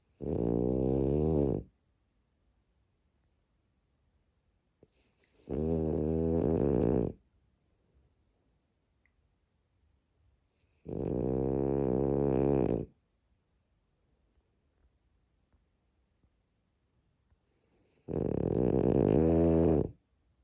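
Four buzzing snores, each about 1.5 seconds long, about 13 breaths a minute, in a quiet room; a sleeping dog snoring.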